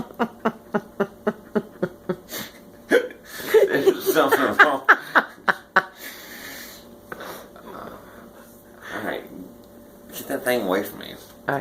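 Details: An adult man with hiccups, which his wife is recording, makes a run of short, rapid catching sounds mixed with laughter and breathy noises; hiccups.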